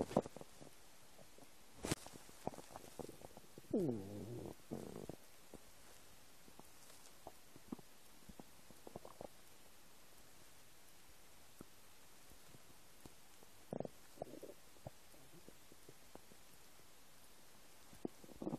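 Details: Scattered gurgles, squeaks and clicks with a few longer rumbles from a person's empty stomach in a quiet room; ordinary stomach rumbling (borborygmi).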